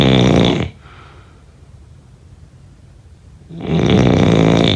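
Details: Two loud, rough, low-pitched snores separated by about three seconds of quiet, ordinary sleep snoring.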